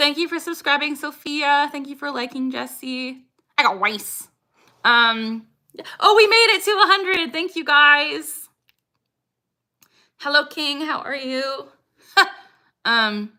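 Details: Woman, 26, with Tourette syndrome diagnosed at 12, tics since about age 3 or 4, producing her frequent phrase tic "I got rice", present about six years; tics increase when discussing Tourette's; vocal tic (Tourette syndrome).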